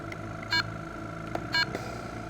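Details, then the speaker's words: Freestyle Comfort portable oxygen concentrator: two short electronic beeps about a second apart over a low mechanical hum as the setting buttons are pressed after switching it on. "all you need to do is turn it on and then use these little buttons here to choose the settings that you are"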